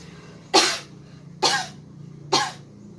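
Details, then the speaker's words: Nursing student demonstrating effective cough technique: deep breath, arms crossed pressing on the abdomen, body leaning forward, then three short forceful coughs about a second apart to clear sputum. "batuk dilakukan dengan cara menekan like menekan perut terlebih dahulu disilangkan seperti ini dicondongkan ke depan badan dicondongkan kedepan lalu batuk 2-3 kali"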